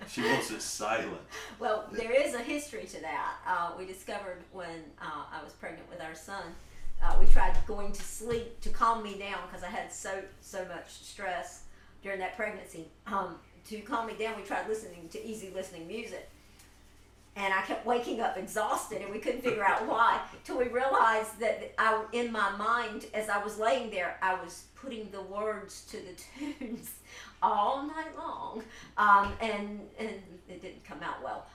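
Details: Adult woman; normal speech.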